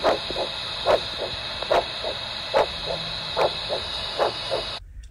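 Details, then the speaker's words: Free flap monitoring with a Doppler: rhythmic pulsatile whooshing arterial signal at about 72 a minute, indicating good arterial flow in a patent vessel. "Now, this is what good arterial flow sounds like. Note the rhythmic pulsatile arterial signal."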